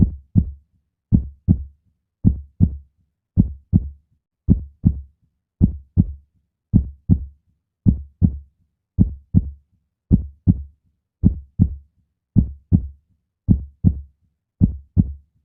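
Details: Steady, regular lub-dub heartbeat at about 54 beats a minute, clean with no background noise; a heart sounds effect.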